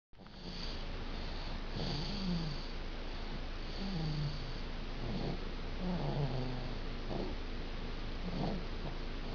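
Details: A baby snoring a lot: soft, low, rumbling breath sounds repeat over steady room hiss.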